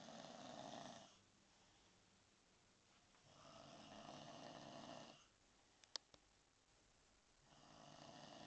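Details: A visitor who always falls asleep when visiting: soft, steady snoring on the in-breaths, about 15 breaths a minute, with quiet pauses and a couple of faint clicks. Snoring.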